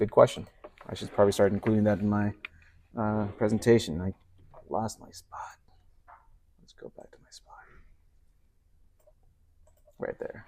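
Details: Adult male speaker; normal speech.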